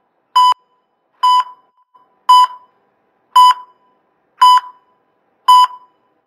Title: Cardiac monitor 02 - Sound Effect - No Copyright - Free Sound